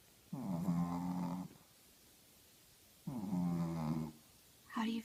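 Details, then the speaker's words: 13-year-old female Shih Tzu snoring loudly enough to keep her owner awake: loud buzzing snores roughly every three seconds, with a rattling, vibrating quality on each breath; snoring. "oh wow girl you snore so loud she really does she keeps me up all night"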